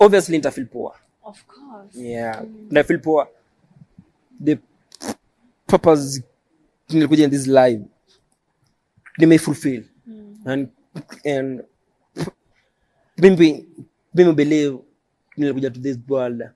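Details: Adult man who stammers, self-described neurological stammering since birth; stuttering.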